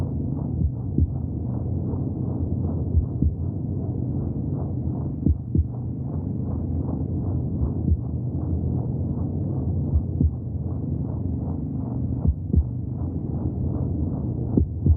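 Fast, regular whooshing beats at about 150 a minute with muffled background rumble; fetal heartbeat from inside the womb.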